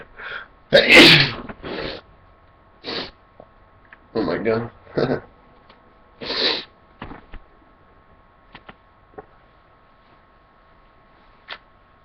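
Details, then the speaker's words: Adult deliberately making themself sneeze: several loud, wet sneezes in quick succession with short exclamations between them, then quiet breathing. "i felt it coming like wow i'm gonna start like sneezing out of my nose more often like those nasally ones"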